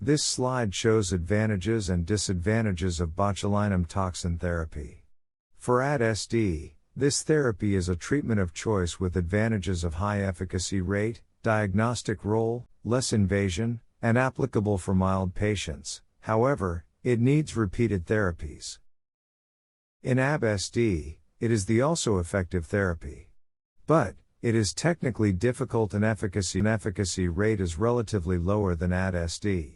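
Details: Adult male narrator, possibly synthesized voice; normal speech.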